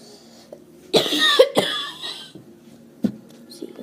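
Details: Adult with a few short, harsh cough bursts set off by laughing, in a quiet room; cough.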